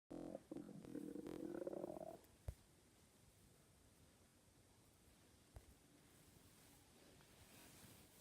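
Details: Ordinary stomach growling (borborygmi): a drawn-out, rising gurgling growl of about two seconds, then quiet.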